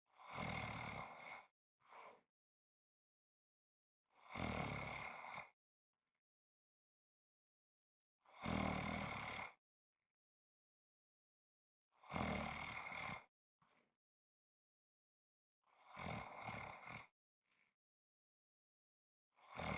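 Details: Loud, rough, rattling snores on each breath in, about 15 a minute, separated by silence, from a 5½-minute snoring recording; habitual snoring.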